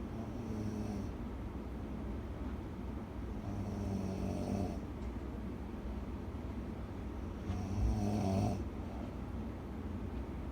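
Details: Person sleeping beside the recorder snoring loudly: rough, low snores on slow breaths with noisy vibrating bursts roughly every three to four seconds over room hum; snoring.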